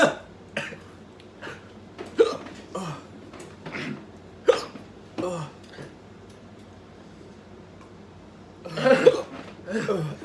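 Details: Hiccups after eating a very spicy chip in a one-chip challenge: repeated sudden vocal catches and gulping sounds with strained breaths and muttering; person reports throwing up.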